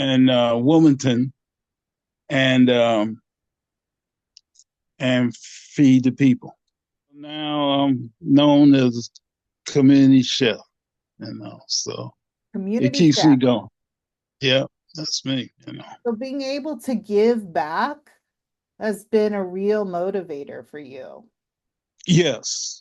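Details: Aphasia in a 67-year-old man, a 9-year stroke survivor after two strokes (January 2015, March 2016); he could not talk after the first stroke and later had speech therapy.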